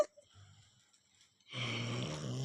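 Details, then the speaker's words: A 4-year-old child snoring "like an adult man": after a near-silent pause, a loud, low, rough rattling snore on breathing. "ngornya kayak bapak-bapak."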